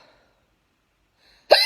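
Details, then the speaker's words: Girl who has had hiccups for about six to ten minutes, possibly after inhaling a small lemon cake; after near silence, one sudden, sharp, voiced hiccup bursts out at the end. "i've had hiccups for like six minutes now i sound like um a pig squealing it's horrible"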